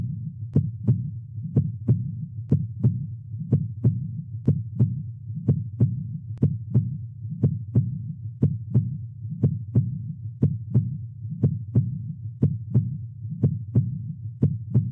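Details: Normal heart sounds at 60 bpm labelled on a parasternal long axis echocardiogram: S1 at mitral valve closure (start of systole), S2 at aortic valve closure (start of diastole); regular clean lub-dub, no murmur.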